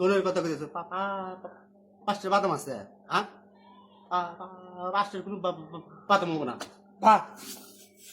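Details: Acted stuttering by a character in a comedy skit about two people who stutter.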